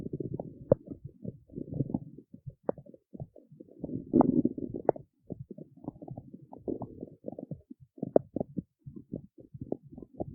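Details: Bursts of low gurgling and squelching rumbles with brief pauses: ordinary stomach growling (borborygmi).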